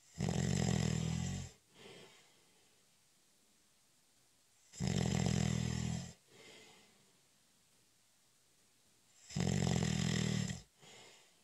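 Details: Snoring during a short, light nap (cat nap): three loud, rattling snores on breathing in, each followed by a soft breath out, about 13 breaths a minute, in a quiet room.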